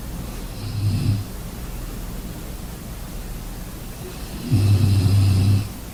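Two low, rumbling breath noises about four seconds apart over steady room hiss: snoring during sleep.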